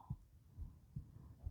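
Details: Reader's own heartbeat recorded for ASMR while softly reading aloud: soft, low, regular paired thumps about 70 a minute; steady normal heartbeat.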